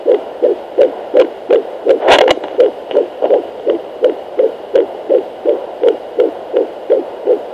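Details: Fetal heartbeat at 10 weeks of pregnancy: fast, regular whooshing galloping beats at about 160–167 a minute, picked up by Doppler.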